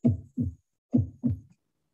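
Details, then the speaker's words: Mitral regurgitation: three normal beats, then a constant holosystolic (pansystolic) murmur running continuously from S1 to S2. "so this is a pen systolic mr murmur okay it's holosystolic and it's constant"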